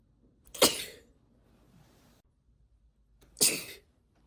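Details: Two sharp, explosive induced sneezes a few seconds apart from a female who is a long-time sneeze stifler and not at all sneezy; ordinary sneezing.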